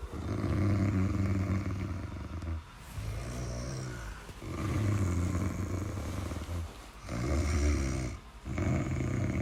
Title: Snoring sound (30 minutes)